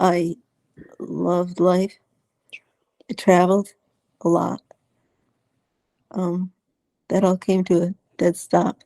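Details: Dysarthria in an adult woman with multiple system atrophy; uses a voice enhancer to amplify her voice at times, has had speech therapy, and has swallowing problems.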